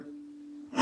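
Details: Egophony heard on lung auscultation.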